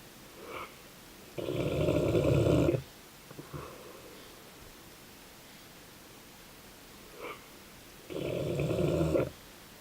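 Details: Snoring in a sleeping Dogue de Bordeaux (French Mastiff) dog: two long, loud, rumbling snores about seven seconds apart, with softer snorting breaths between them.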